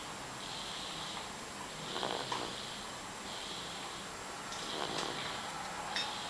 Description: Loud snore, little baby